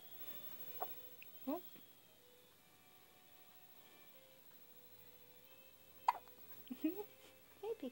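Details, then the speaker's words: Baby girl who gets hiccups very often, even before birth, hiccuping for about 10 minutes: brief, sharp, irregular catch sounds, about five in eight seconds, in a quiet room. "Somebody has the hiccups. Of course they're gonna go away."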